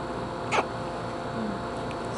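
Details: A single abrupt hiccup over a steady background hum; hiccup.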